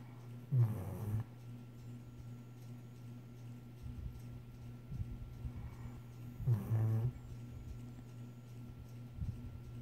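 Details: A sleeping dog gives two loud, low rattling snores about six seconds apart, with quieter breathing between; snoring.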